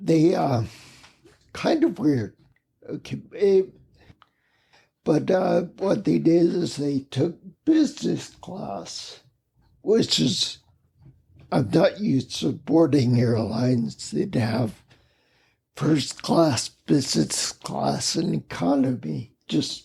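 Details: Adult man with spinocerebellar ataxia, a rare neuromuscular disease, with mobility challenges and speech impediment for over 20 years; ataxic dysarthria.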